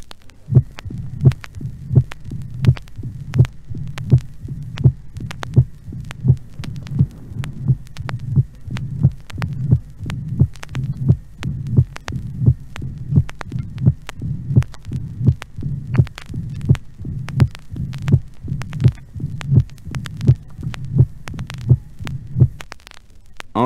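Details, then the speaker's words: Heart recording from a woman with pure mitral stenosis, operated by commissurotomy with excellent result: regular beat near 85 a minute, low diastolic rumble building presystolically into a loud snapping first heart sound. Mitral stenosis murmur. "écissement mitral pur avec son roulement diastolique s'accentuant dans la précistole et se terminant par un éclat remarquable du premier bruit"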